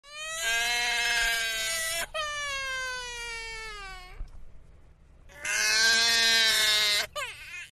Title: Baby crying sound